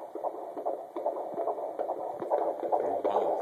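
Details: Muffled, rapid, rhythmic heart thumps at roughly 140 a minute over a steady rushing hiss; heartbeat.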